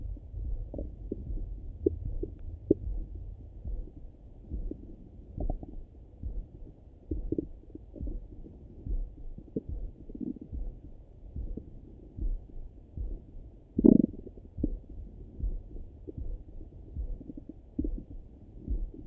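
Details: Low irregular gurgles and clicks with one louder gurgle, heard through a stethoscope over the stomach in the morning; ordinary bowel sounds (borborygmi) of a rumbling stomach.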